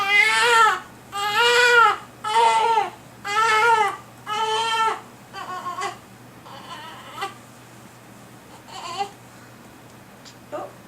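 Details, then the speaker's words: A baby girl is being burped without success yet and is uncomfortable; rhythmic cries about one a second fade into softer whimpers, infant fussy crying before burping. "she's uncomfortable that's why she's she's going to burp and then she's going to stop"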